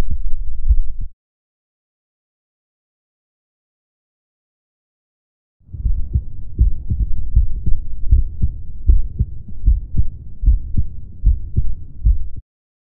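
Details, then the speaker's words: Adult's own heartbeat recorded with a DIY electronic stethoscope, a stethoscope head connected to a microphone and recorder: steady low-pitched lub-dub heartbeats; normal S1 and S2. "to show that it's pretty simple and inexpensive to record your heartbeat sound to listen and interview it"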